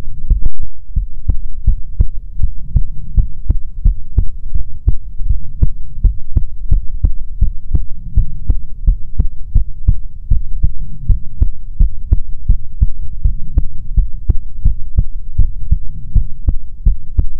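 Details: ASMR heartbeat recording: steady, regular low heartbeat thumps throughout with a soft hum behind them.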